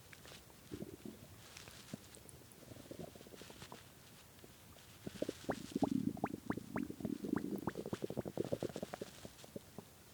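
Bubbling, squeaky gurgles and popping rumbles building in the middle; loud hunger stomach growling, a normal gut sound.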